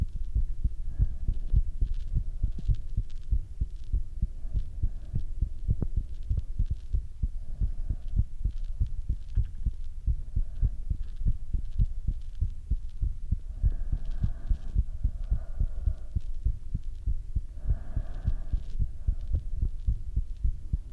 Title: My heartbeat with lung sound